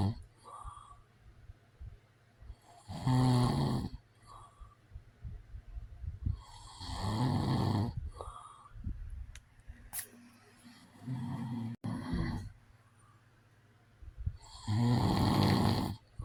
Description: This is a white noise video. It's real sounds of a man snoring.